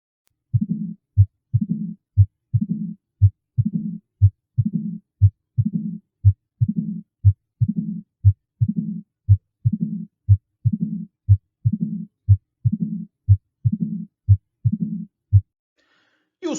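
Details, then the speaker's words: Teaching recording of mitral stenosis: regular heartbeat about 60 a minute, sharp opening snap after S2 from calcified leaflets, followed by a low diastolic rumbling murmur. "é o som do estalido de abertura da válvula e muitas vezes quando o indivíduo tem estenose mitral ele tem um sopro"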